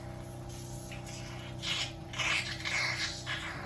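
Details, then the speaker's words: Oral suctioning of a ventilated patient in bed: steady suction machine hum, then wet hissing, gurgling and bubbles as secretions are drawn up the catheter once its end is covered. "If I put it in the mouth and I'm not doing anything, you can hear just the noise of the machine, but you can't hear any sucking. Cover it."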